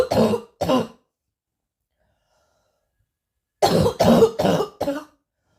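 Two forceful coughs, a pause, then a run of four more; harsh, hard coughing bursts.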